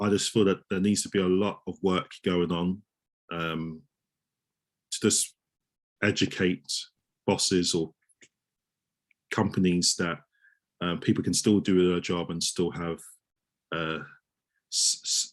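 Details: Adult male osteopath who stammers, with audible word repetitions; stuttering.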